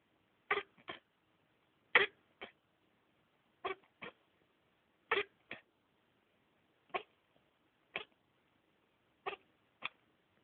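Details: Hedgehog coughing.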